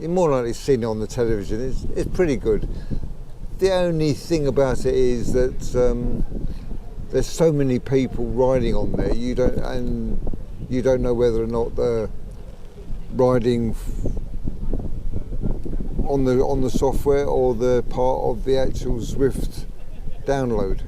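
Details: Late-onset stammering in a 63-year-old man, developed at about age 63 about 15 months earlier, thought to be related to his Parkinson's disease of 15 years; worse when emotional, excited or talking fast; sees a speech therapist.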